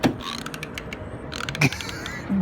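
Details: Rapid creaking, ratchet-like clicks and grating from forceful grinding of the teeth together; teeth grinding (bruxism).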